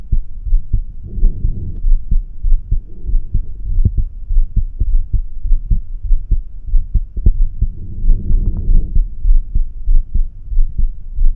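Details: Normal heart sounds heard over the aortic area: regular low heart thumps at about 95 beats a minute, with no murmur.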